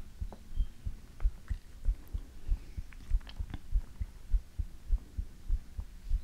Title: ASMR - You can't Beat it ❤|Heartbeat